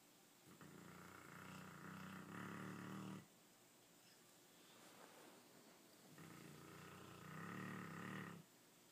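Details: Dog snoring: two long, rough, rumbling snores on inhalation, separated by quieter breathing; ordinary snoring.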